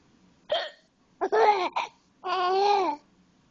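A short, sharp hiccup-like catch, then voiced, laughing sounds in a quiet room; hiccups.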